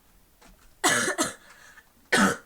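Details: Persistent post-viral cough.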